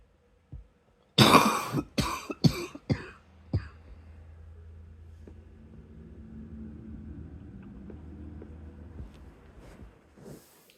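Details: Quiet good-night cough: a short run of about five coughs fading into throat clearing, then a quiet hum and soft breathing.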